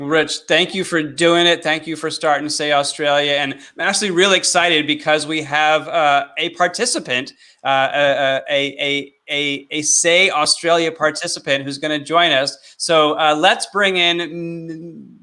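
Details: Adult male speaker; stuttering.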